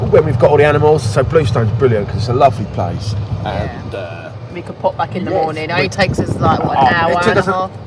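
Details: Adult; typical speech.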